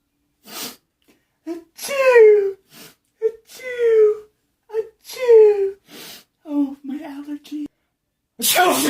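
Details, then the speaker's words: Exaggerated, drawn-out sneezes with voiced 'ah' wind-ups and sharp bursts, deliberately performed imitations of different sneeze types, including one big sneeze: simulated sneezing. "oh i think i'm gonna oh dang that was a big sneeze"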